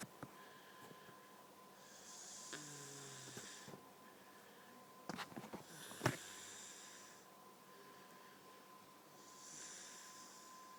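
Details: Snoring during sleep after a night out: slow snoring breaths with a thin whistling tone on some breaths over steady room hum, a whistling snore from narrowed airflow.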